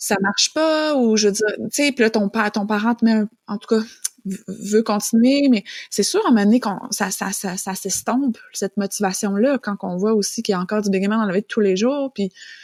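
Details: Adult woman speaking French; no speech disorder.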